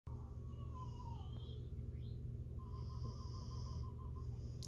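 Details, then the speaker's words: Dog that snores even when awake, heavy snoring breathing heard in the background. "snores even when he's awake a lot of people have been making comments on my videos about the breathing being distracted or distracting"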